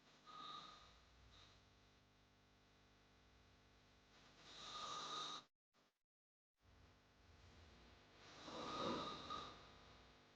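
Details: Snoring sound-effect recording: two slow, loud, rasping snores on breathing in, with a short silent gap between; heavy snoring.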